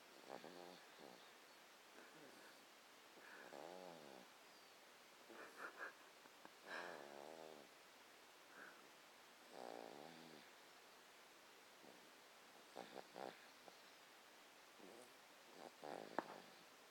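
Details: 3-month-old boy snoring during sleep: soft, irregular snorting and whistling breath noises, some with a buzzing rise and fall, separated by quiet gaps.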